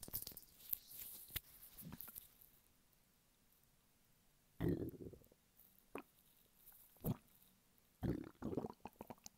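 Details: Hunger stomach rumbling (borborygmi) from a man lying flat on his bed: intermittent low gurgling bursts from an empty stomach, with some handling clicks.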